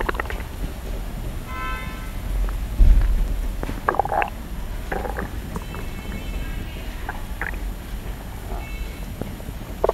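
Low rumbling and gurgling with scattered sloshing and crackly pops under steady hiss; ordinary stomach growling.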